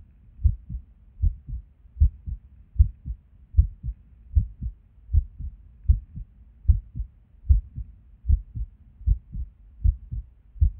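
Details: Irregular resting heartbeat with skipped beats, recorded at Erb's point while sitting at a desk; clear lub-dub heart sounds about 77 a minute with uneven spacing and occasional skipped beats.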